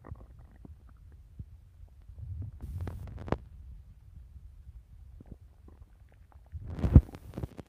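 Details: Stomach growling (borborygmi) in a hungry person eager to eat, recorded over about three minutes.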